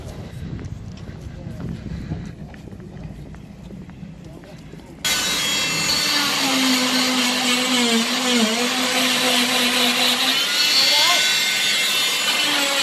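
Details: 12-year-old girl's leg plaster cast removed in hospital after foot surgery: quiet room sounds, then an oscillating cast saw's steady loud high-pitched whine with wavering pitch as it cuts through the plaster.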